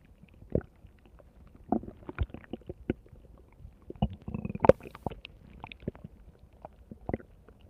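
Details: Stomach growling recorded over 2 minutes 45 seconds: quiet, irregular gurgles and low rumbles with brief louder pops of gas and fluid moving through the gut.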